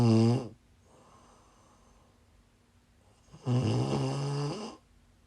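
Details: Two loud, low, rattling snores separated by a quiet pause with faint breathing between, from a woman snoring in sleep while sick.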